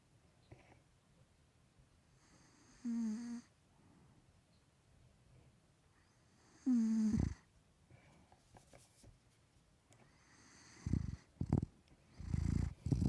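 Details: Male Maine Coon cat, 3 years old, with a bad nose, snoring while asleep: short buzzing, fluttering snores every few seconds, some snuffling and rustling near the end.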